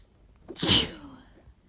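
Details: Person with tree pollen allergy, recorded in the morning during an itchy, wet sneezing fit of small multiple 'choo' sneezes with hardly any warning; a single sharp, hissing sneeze after a short intake of breath, in a quiet room.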